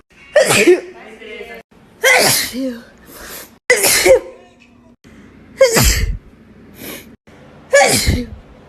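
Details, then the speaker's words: TikTok compilation clip: four sharp, explosive sneezes from different people, each with a quick intake before, voices between; sneeze. "trying to make myself sneeze in less than 15 seconds with a piece of grass"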